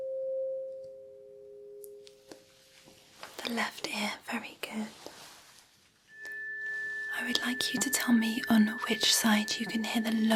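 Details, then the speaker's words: Simulated ASMR tuning-fork pitch-comparison hearing test by an audiologist, frequencies now closer together: two steady pure tones of different pitch ring out, listener asked which ear hears higher, then fade under soft whispering and tapping. "it's going to get a little more difficult now because the frequencies are going to be closer together"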